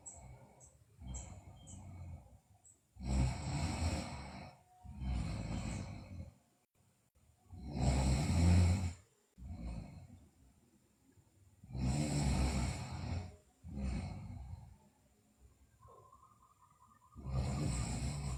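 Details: Sleeping girl snoring: regular rough snores, about seven breaths in eighteen seconds, with faint background music; snoring during sleep.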